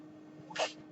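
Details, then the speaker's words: A brief hissing puff of air over a steady low hum: one breath cycle of the speaker's own mechanical ventilator, audible while he talks on his podcast. "My name is. That noise you hear is my ventilator."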